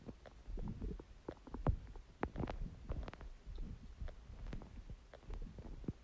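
Irregular low gurgles and rumbling bursts with occasional sharper pops: ordinary stomach growling from gas and fluid moving through the gut.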